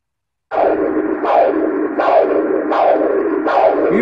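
Rhythmic whooshing pulses about 80 a minute, each rising sharply then fading, a pulsed-wave Doppler blood flow signal.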